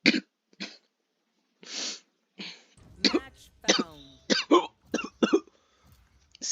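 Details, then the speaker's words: Cough from a person who says they are ill, while playing a video game: a run of about eight short, dry coughs with throat clearing. "this really is yeah no great I might have a tad bit of a cough"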